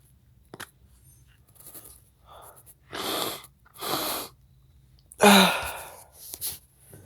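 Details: Sneezing triggered by black pepper: two noisy preparatory inhalations followed by one loud explosive sneeze.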